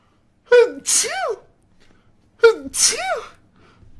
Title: Slo-Mo Sneezing Comp - FIND IN VIDEOS